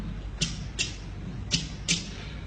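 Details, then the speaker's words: Mechanical prosthetic valve clicks in a patient after double valve replacement (mitral and aortic valve replacement); a surgical scar is expected. "لو سيفير لو كرونيك لو سيفير وكرونيك الفي اس دي mitral valve replacement aortic valve replacement double valve replacement."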